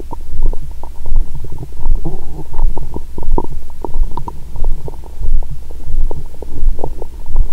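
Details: Adult's abdomen via stethoscope after a Christmas dinner with wine following a 22-hour fast, while drunk: frequent, nearly continuous gurgles and low rumbles; active bowel sounds after a large meal, stomach rumbling constantly.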